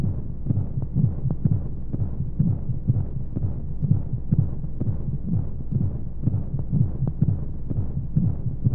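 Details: Womb-sound sleep aid for babies with white noise: steady low muffled heartbeat thumps at about 125 a minute under a soft rushing hiss, as heard from inside the womb.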